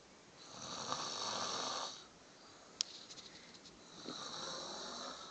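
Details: Two long, rough, rattling snores on breathing, separated by a quiet pause with a few faint clicks; ordinary snoring.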